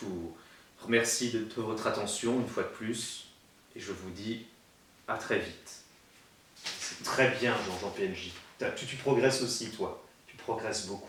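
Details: Adult male who has a stutter and attended a stuttering therapy course in 2005; stuttering.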